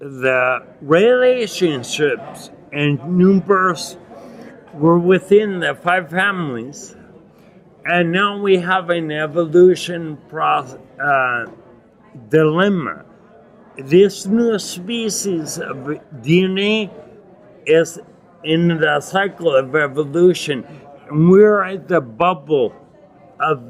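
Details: Adult man with non-progressive acquired ataxia and myoclonus (Lance-Adams syndrome) after severe brain damage from Legionnaires' pneumonia and a 12-day induced coma in 2011, reporting difficulty articulating and getting winded when speaking; ataxic dysarthria.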